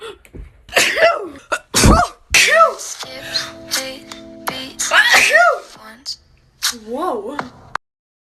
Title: Blonde natural sneezing comp